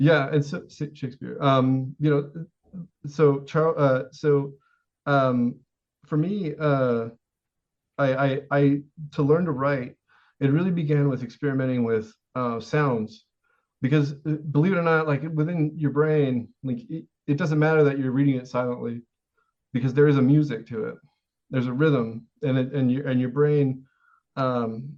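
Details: Adult man with severe Tourette syndrome whose most reliable verbal tic, the word 'Shakespeare', is heard at the start; vocal tic (Tourette syndrome).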